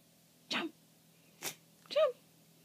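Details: Dog sneezing on a couch after staring at a treat: two or three short, sharp nasal bursts, the last with a brief snort-like tone; quick sneezes in a quiet room.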